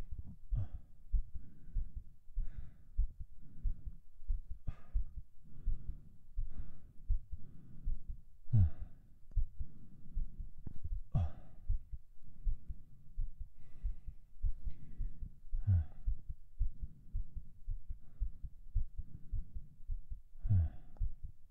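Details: Heartbeat of a man right after 50 push-ups, recorded for ASMR: quick, regular low heart thumps with heavy breaths every few seconds, a normal heartbeat after exercise.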